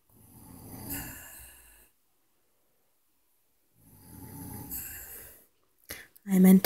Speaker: that is the sound of our parents snoring in tandem